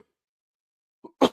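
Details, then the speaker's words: Adult man with a slight viral infection and a rough voice: a short throat-clear followed by one loud, harsh cough burst. "Apologies about the cough, everybody. As I said, I got a slight viral infection when I was in Italy."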